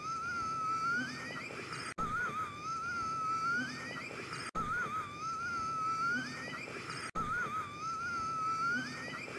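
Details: Agamemnon, an animal apparently with lung cancer, gasping for air for minutes: repeated high whistling, wheezy breaths about 23 a minute with a rising squeak in each; laboured breathing.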